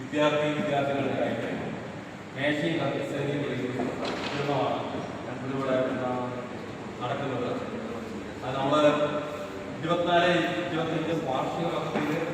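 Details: Stuttering in an adult man giving a public speech in Malayalam.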